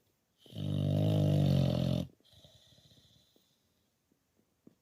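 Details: English Bulldog asleep in a man cave: one long, loud rumbling inspiratory snore followed by a softer fluttering out-breath; snoring.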